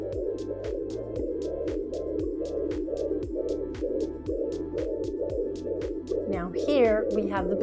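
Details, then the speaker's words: Portable home fetal Doppler with the probe glided slowly over the belly in a demonstration: rapid, rhythmic whooshing pulses at about 130 a minute with a brief voice near the end, a fetal heartbeat. "heartbeat now I want to show you something it's very important to when you're gliding the probe to go slow so you don't accidentally pass over the baby's heartbeat"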